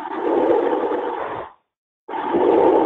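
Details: Normal breath sounds auscultated on a simulated patient via a clickable body map.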